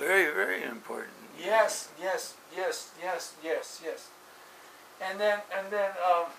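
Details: Adult man with aphasia after a stroke on 5-3-2007, recorded in 2016; aphasia.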